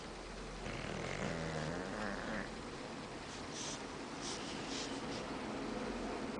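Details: Snoring from a sleeping bulldog: low rumbling, fluttering breath sound that rises and fades, then softer noisy breathing against steady room noise.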